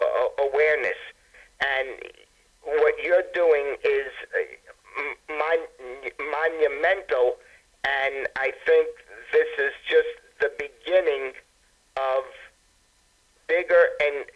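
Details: Adult man speaking by telephone, stammering after a severe concussion from tripping on a walk, compounded by earlier injuries; he says it was much worse several days before and is improving; stammering after concussion.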